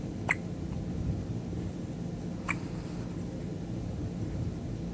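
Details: Baby with hiccups: two brief, sharp hiccup sounds about two seconds apart over steady low room noise.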